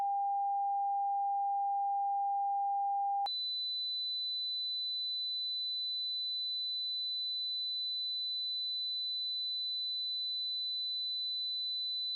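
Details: A simulated tinnitus example: a steady pure tone jumps to a sustained high-pitched whistle, imitating ringing in the ears.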